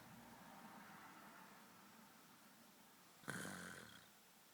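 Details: Someone snoring loudly during sleep.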